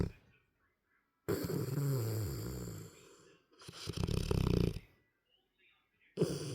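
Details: A 9-month-old "big baby" sleeps comfortably in a contorted position and snores with a vibrating sound: two loud, deep, rattling snores with quiet gaps between breaths, and a third starting at the end.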